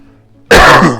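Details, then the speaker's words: A single loud, rough throat-clearing burst after a brief quiet pause, from an adult whose throat has been irritated for days by a lingering sinus illness; throat clearing. "i'm trying not to get a cough drop my throat has been acting crazy the last couple of days every time i think i'm completely over this sinus mess"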